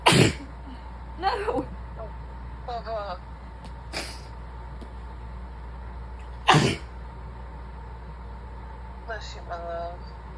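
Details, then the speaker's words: Sick girlfriend sneezing during an illness: two sharp, explosive sneezes with brief voiced sounds between, over a steady traffic-like hum, while a partner repeatedly says bless you. "Sneezy little bean."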